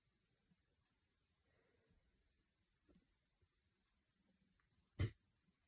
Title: Strong Hiccups